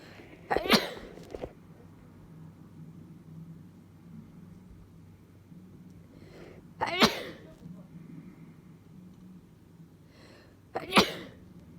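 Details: Person with a minor cold having a small fit of sneezing: sharp, explosive sneezes several seconds apart, each preceded by a short inhalation, over quiet room hum.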